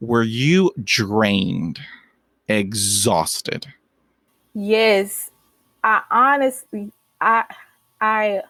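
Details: Stuttering in an adult woman, a senior college accounting student who stutters and began speech therapy in college.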